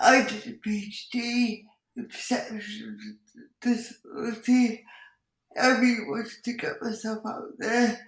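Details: Dysarthria in an adult woman with cerebral palsy who says her speech is impacted; she also has involuntary movements and uses a wheelchair.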